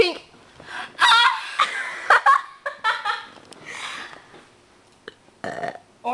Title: Burping game